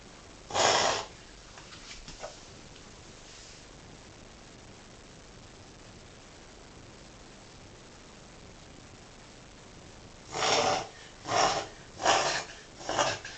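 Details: Dog reverse sneezing: harsh, noisy inward snorts, one alone then a quick run of four.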